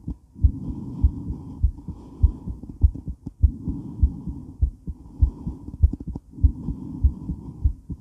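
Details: Female heart during and after weight training, recorded while moving: strong, fast, regular pounding heartbeat near 100 beats a minute, with heavy breathing and movement noise.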